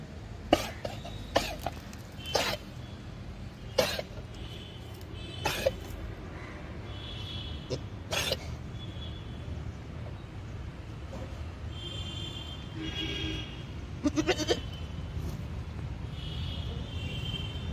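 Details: A goat in a mutton shop gives a series of sharp, dry, human-like coughs over steady low background noise.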